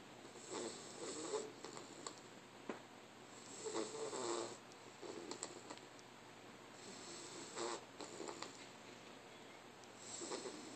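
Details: Repeated rough, fluttering snores with each breath in, about six to seven over ten seconds; snoring.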